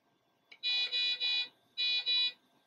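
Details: A click, then two series of loud high-pitched electronic beeps, three and then two: the normal start-up tones of an SLE 5000 neonatal ventilator being switched on before flow sensor calibration.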